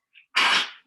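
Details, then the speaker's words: A dog gives one short, harsh, explosive expiratory burst during a yoga class: a single cough from kennel cough. "beautiful focus sorry otto has the cough who's kennel cough you don't want to hear that"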